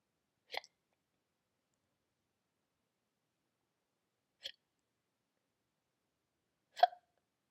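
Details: Simulated hiccups voiced for the character Dobby in a LEGO brick-animation contest entry: three brief, sharp hiccup sounds separated by silence, about 6 seconds apart at first, then 2 seconds apart.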